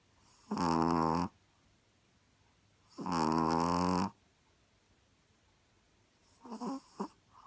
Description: Chihuahua Nicky snoring